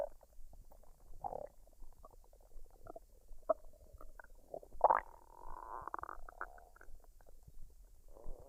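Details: Woman's belly digesting a dinner of fried rice and duck, unedited, no artificial sounds: soft irregular gurgles, clicks and a drawn-out squeaky rumble, normal post-meal bowel sounds.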